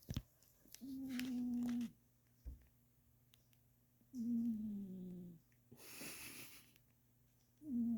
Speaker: My cat is snoring.